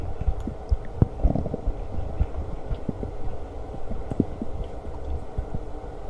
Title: Stomach Growling while eating Lunch w/ Burps